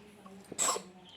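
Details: Baby in a diaper sneezing: a single sharp, high burst of air, a small sneeze, amid quiet room noise; captioned as sneezing three times.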